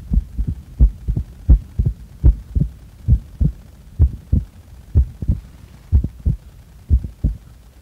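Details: Heart sounds recorded during breath-holding after inhaling and after exhaling: paired heartbeat thuds, about 75 a minute, with no breath noise between them; normal heart sounds.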